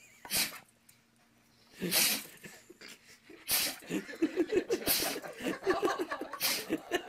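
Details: Dog sneezing repeatedly: several sharp, hissing sneezes followed by rapid snorting and flapping from head shaking; sneezing.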